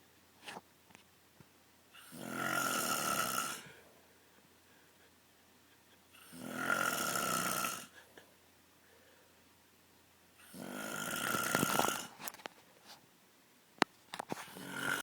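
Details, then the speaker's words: Father who has snored loudly for years, recorded while asleep: loud, harsh rattling snores on each in-breath, about one every four seconds, with quiet pauses between; snoring. "okay so for the past 18 years of my life my dad has snored like a hog um that has been stabbed multiple times and he's never believed me"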